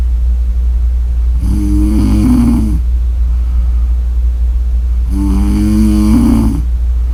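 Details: Snoring during sleep: two long, rattling, droning snores on the breath in, about four seconds apart, over a steady low room hum.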